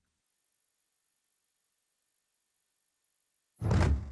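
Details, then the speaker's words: A steady, very high-pitched 12,000 Hz pure tone of about four seconds in an age-based hearing test; hearing it suggests a listener under about fifty. "so let's spin again twelve thousand Hertz remember to raise your hand if you hear the tone"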